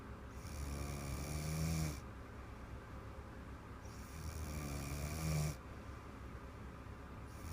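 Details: Woman asleep after a bottle of wine and a massage, knocked out within 5 minutes: two long, low rattling inspiratory snores with quiet expirations, about 17 breaths a minute. Snoring.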